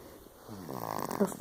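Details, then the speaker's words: A brief, soft, buzzing snore from a sleeping 4-month-old baby girl after her vaccinations; snoring. "4-month-old shots, and now she is passed out and snoring like the little lady she is."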